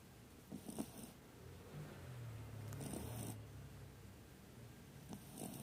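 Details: Sleeping Shih Tzu puppy with a soft, low, purring rumble on the breaths and faint snuffly noises in a quiet room; snoring.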